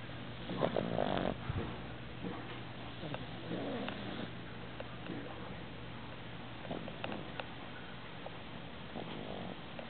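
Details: Boston terrier snoring while asleep: rough, rattling breathing noises repeating in a quiet room.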